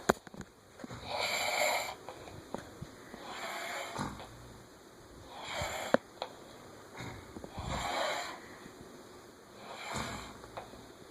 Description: Two people having a snore battle